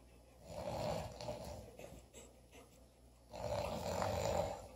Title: snoring